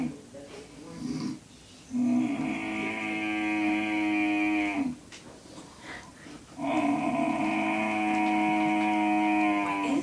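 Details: Elderly man (grandfather) snoring during sleep; two long, loud, droning snores with a strong buzzing, engine-like tone, likened to a car engine, separated by quieter breathing; unusually harsh, vibrating snoring.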